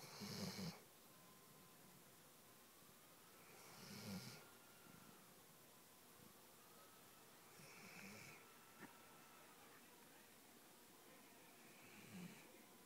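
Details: Sleeping Weimaraner dog on a couch, with soft snorting snores about every four seconds (roughly 16 breaths a minute) and a faint whistle in the background; ordinary snoring.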